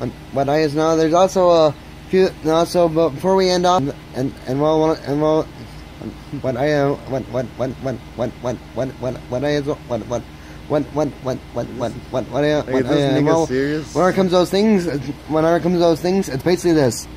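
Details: Frequent stuttering in a male speaker, with heavy word repetitions.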